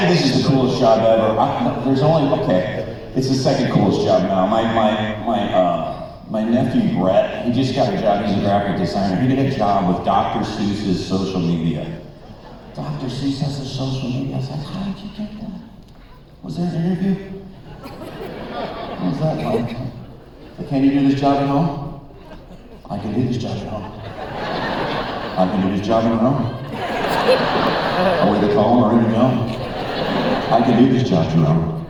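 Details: Man, former record producer, with incurable spasmodic dysphonia developed at the height of his career, progressively worsening until voice was lost, unhelped by vocal coaches or doctors, still audible; spasmodic dysphonia.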